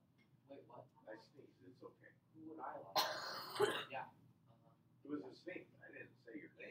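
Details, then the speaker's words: A single sneeze from the speaker during a classroom history lecture. The speaker remarks that this is what their sneeze sounds like. "That's what it sounds like when I sneeze. He said no. No, that's my sneeze."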